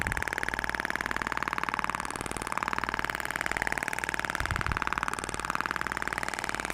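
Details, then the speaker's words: Steady rapid mechanical tapping, about two pulses a second, with clapping in the background: Thork (IBRAMED) shockwave device firing in a live training demo of a facial protocol along the zygomatic and nasogenian area, 6,000 shots spread over the face. "Lembra que você tem 6 mil disparos para distribuir na região facial"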